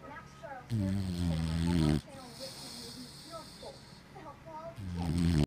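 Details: Sleeping dog Stratford's rather loud snoring: loud, rough snores with quiet breathing and faint background talk between them.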